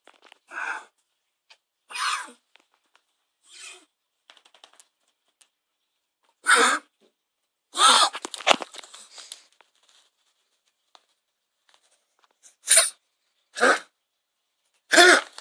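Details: Dog (Charlie) with a honking cough: about eight short, harsh honking coughs in a quiet small room.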